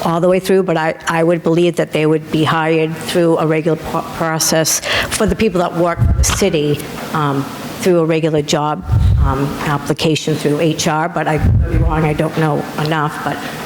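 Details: Adult speaker; typical voice.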